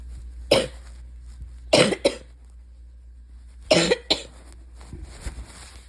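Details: Person with asthma, spring allergies and chronic bronchitis, likely sick with a respiratory illness: about five harsh, loose, congested coughs, some in quick pairs, a wet chesty cough.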